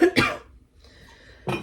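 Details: Cough.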